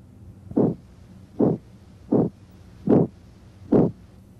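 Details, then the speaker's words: Stethoscope over the aorta and renal arteries: regular whooshing pulses at about 75 a minute; abdominal bruit, which in a hypertensive patient raises suspicion of renal artery stenosis though most bruits have other causes. "in a patient with hypertension a brwy raises suspicion of renal artery stenosis but most brewes have other causes"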